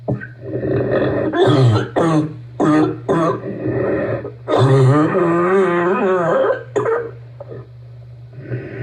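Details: Person with asthma and bronchitis giving a deep barking cough.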